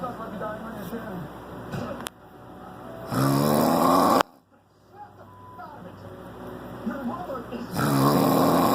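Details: Deep, rumbling, irregular snores at about 14 a minute, recorded in the dark with a fan running steadily in the background.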